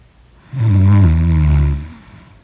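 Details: One loud, deep, buzzing snore lasting about a second and a half during deep sleep; heavy snoring.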